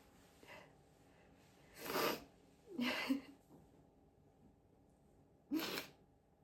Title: loud high pitched apchhee sneezes